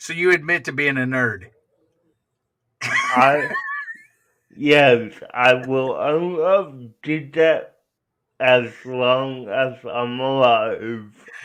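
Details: Young adult man with cerebral palsy who uses a wheelchair; dysarthria due to cerebral palsy.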